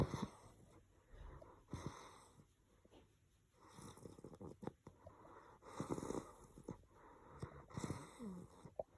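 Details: Sleeping English bulldog puppy snoring: soft, snorting, wheezy breathing noises in irregular runs, typical of a short-nosed breed.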